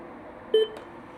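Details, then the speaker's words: AED on a training mannequin during a demonstration of adult and child pad modes: a single short electronic beep as the training defibrillator is switched off, over quiet room noise. "So as you can hear, as soon as you put on, immediately will start and requesting you."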